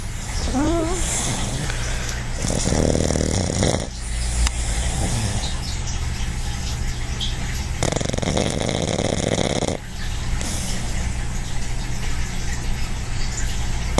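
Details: Dog (Quincy), a habitual heavy snorer, relaxed and napping: loud, rough, rattling snores over a constant low hum and background noise; heavy snoring.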